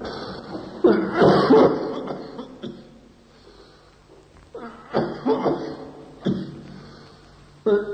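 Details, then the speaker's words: Dry irritative bronchial cough in bronchial carcinoma: repeated harsh, persistent, dry cough bursts in clusters with no rattle of mucus, tiring and unproductive, with no relieving expectoration. "Come primo esempio, una tosse irritativa, bronchiale, insistente, secca, nel carcinoma bronchiale."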